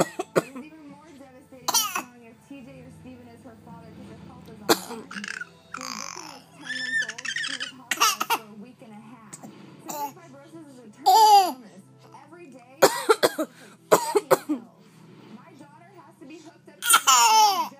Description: 7 momth old Baby copies mommy coughing !!